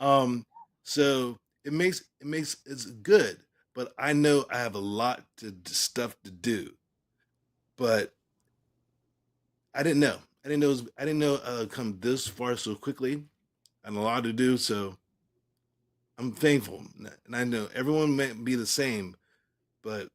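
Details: Male stroke survivor speaking about 3 years and 5 months after his stroke: post-stroke aphasia.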